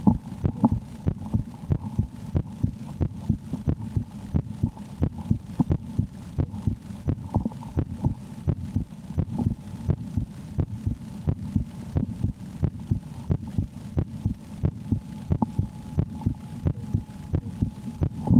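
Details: Own heartbeat checked just before playing the horror game Slender: The 8 Pages. Steady thudding beat at about 88 per minute, slightly fast and regular, with a faint hum; normal heartbeat.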